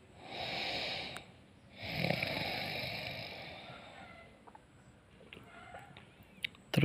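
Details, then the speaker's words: Snoring: breathing sounds of a person while asleep. "guys guys Gua mau tunjukin guys bernaapas saat tidur suaranya Bagaimana Nah begini dengerin ya"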